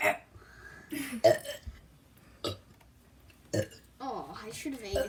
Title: The burping compitition #2